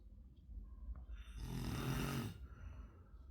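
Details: A single loud, rattling low snore on an in-breath, about a second long, over quiet room noise; snoring.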